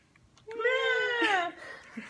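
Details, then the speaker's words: Newborn boy, about a week old, with flexed posture during a head-to-toe exam: a loud, strong, lusty cry with clear pitch, a healthy vigorous newborn cry. "he has a very lusty cry so that's good"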